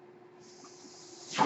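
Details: Steady low hum with a soft airflow hiss rising into a louder rush: the speaker's own mechanical ventilator running in the background while he records a podcast.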